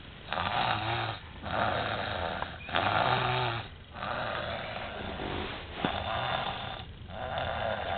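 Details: A boy snoring: steady rhythmic snores with a rough fluttering sound on each breath and short pauses between breaths.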